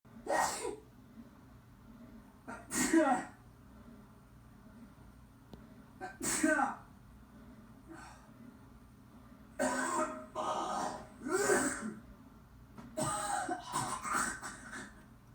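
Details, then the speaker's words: Sneezing within a music track: several sharp, explosive sneeze bursts, each with a quick breath in before it, separated by quiet gaps. "Remember, coughs and sneezes spread diseases."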